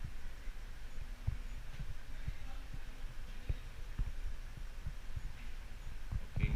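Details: Normal heart sounds.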